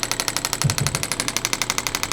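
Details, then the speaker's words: Radial shockwave therapy on the left knee of a swimmer and triathlete with knee pain, intensity slowly raised to 4–6 of 10: rapid steady mechanical tapping like a small jackhammer; radial shockwave therapy device. "all right I'm going to slowly turn up the intensity of it the intensity of it should float between four and six out of 10"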